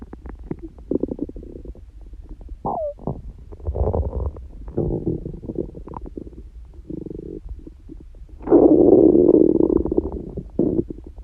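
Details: Ordinary stomach growling (borborygmi) from someone prone to very noisy bowels, not hungry and without stomachache: irregular gurgling, squeaking and rumbling from the belly, ending in a long loud gurgle.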